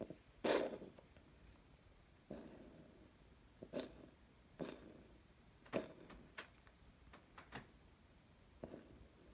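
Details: Cat coughing, recorded June 2018: several short, harsh, breathy bursts spaced a second or two apart in a quiet room.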